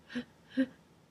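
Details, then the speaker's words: Adult reading a sneeze story aloud acts out two quick, muffled, stifled sneezes, "ha, ha, achoo, achoo": simulated, not real sneezing. "Ha, ha, achoo, achoo,"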